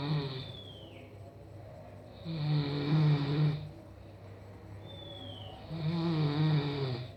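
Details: Person snoring during sleep: low rattling snores on each breath in, about every three and a half seconds, with quieter breathing out between.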